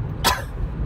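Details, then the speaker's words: One short, sharp cough recorded in a car over steady road noise; the speaker attributes the cough to being "targeted in the lungs." "coughing so you can kind of get an idea of what it is when you're targeted in the lungs."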